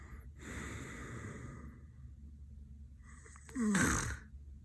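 A sleeping adult takes a long, noisy, rasping breath, then after a pause gives a louder, short, low rattling snort: snoring.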